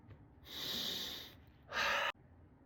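A long hissing nasal inhalation, then a shorter, sharper forceful nasal breath, like a snort.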